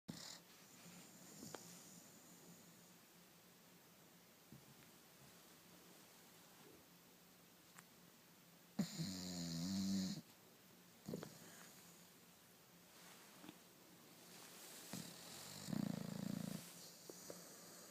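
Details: Snoring in a pet bulldog named Sofia: a quiet room with two or three low rattling snores on the breath, separated by long quiet stretches.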